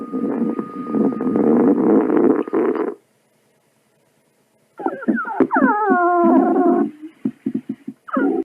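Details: Stomach growl sound effects, hungry tummy: loud gurgling rumble, a pause, then squeaky sliding gurgles and short pops.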